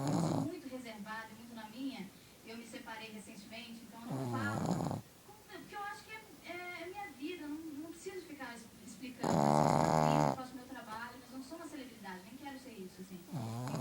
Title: roncandoooo